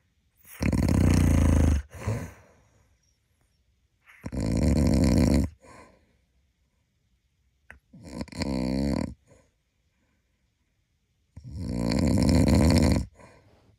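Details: Adult man (husband) snoring: loud, deep rattling snores, four in about 14 seconds, each followed by a short softer breath with quiet pauses; heavy snoring.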